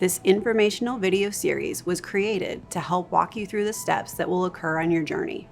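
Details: Adult woman speaking; typical speech.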